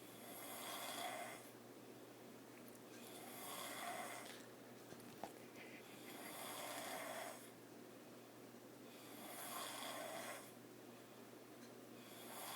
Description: My sister snorig last night